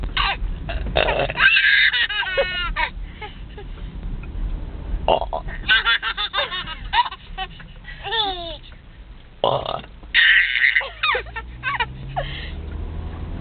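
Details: Sister belching repeatedly in a car: several loud, long belches, each followed by a baby boy's bursts of laughter, with some talk between.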